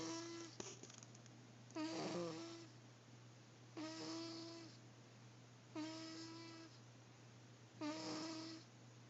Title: snores